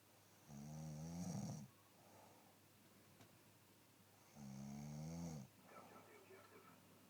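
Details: Sleeper snoring in a quiet room: two soft, rumbling snores on breathing in, about four seconds apart; snoring.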